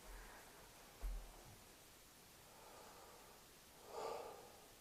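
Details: Soft breathy whooshes of air moving in and out after a stethoscope bump: normal breath sounds heard with the diaphragm at the mid-axillary sixth intercostal space over the lower lobe, with the patient turned to the side taking deep breaths.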